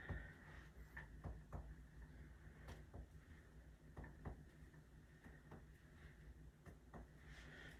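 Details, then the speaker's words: Simulated respiratory assessment, non-clinical skills demo: percussion over the patient's back lung fields, including outer fields, with repeated hollow finger-tap thuds, giving a resonant percussion note throughout the air-filled spaces. "again don't forget your outer long Fields as well and the patient is having again resonant sounds all throughout those air filled spaces"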